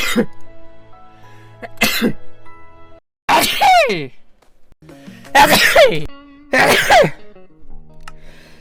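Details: A gamer who says their rhinitis is active, streaming a game: several sharp, explosive sneezes over background music and game sounds; sneeze.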